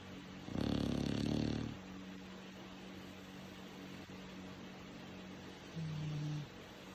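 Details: A low rumbling snore at about one second, then quiet room hum and a second, softer snore near the end: snoring.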